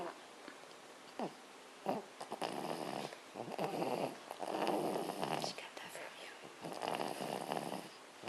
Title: Snoring baby